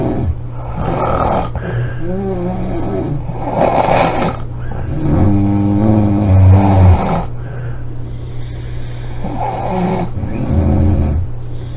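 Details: Snoring recorded July 25 2017: loud, rough snoring, with harsh rattling breaths, some with a groaning voiced tone, repeating every few seconds.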